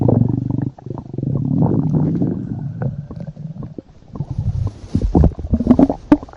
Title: (ARCHIVED) Stomach Growling